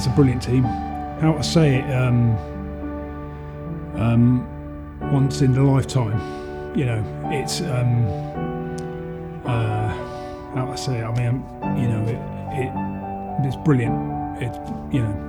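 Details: Adult male veteran who had a stroke; he was told he would never talk properly again. Finding: post-stroke aphasia (non-fluent speech).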